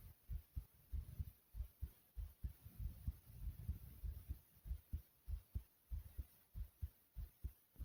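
Steady low thumping heartbeat at about 97 beats a minute with a faint hum behind it; a normal heart rhythm.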